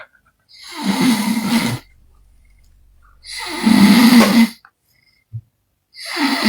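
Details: Loud, rough, rattling snores from a sleeping adult man, about 22 a minute with quiet gaps, likened to a bajaj exhaust: heavy snoring.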